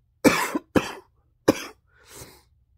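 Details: Cough in an adult with COVID-19 confirmed by a positive rapid test: three sharp dry coughs, then a softer, breathy fourth.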